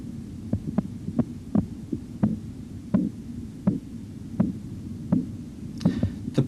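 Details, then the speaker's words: Regular clear tapping at about 80 a minute over a low hum: Korotkoff sounds first appearing during cuff deflation at 2–3 mmHg per second, marking systolic blood pressure. "the point at which repetitive clear tapping sounds first appear for at least two consecutive beats gives the systolic blood pressure you should hear this now"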